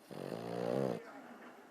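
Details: Sleeper snoring, twitching before the clip: a single voiced, droning snore of about a second, then quiet breathing.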